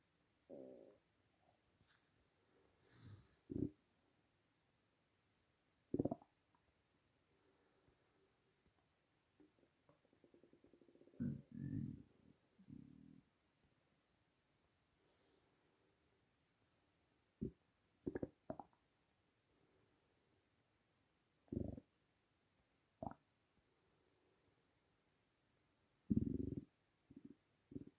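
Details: Loud, irregular gurgling and rumbling bursts from an empty, starving stomach, audible even without a microphone; hunger borborygmi.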